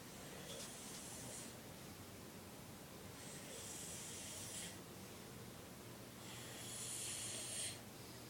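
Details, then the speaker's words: Adult (landlord) snoring in sleep: three breathy, hissing snores about three seconds apart, about 20 a minute, over steady room noise; ordinary snoring. "QuickTime video of my landlord snoring."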